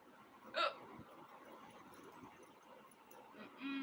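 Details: Woman having hiccups at home: one short, abrupt hiccup over quiet room noise; single hiccup.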